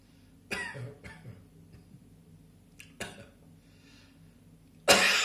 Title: Spring Afternoon Cough